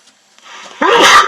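A soft inhaled lead-in followed by one sharp, loud nasal burst: a single sneeze.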